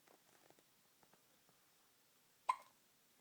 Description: hiccups never looked and sounded so cute!!